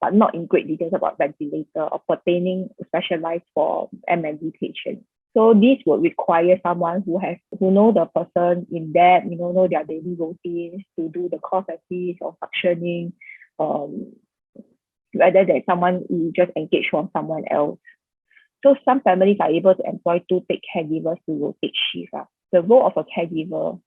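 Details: Adult woman presenter; Typical speech.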